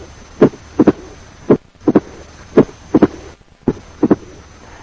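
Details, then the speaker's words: High-pitched, snapping opening snap about 40 to 120 milliseconds after S2, played in comparison with the lower-pitched, slightly later third heart sound. "Now compare and appreciate the high pitched and snapping character of the opening snap. Third heart sound. Opening snap."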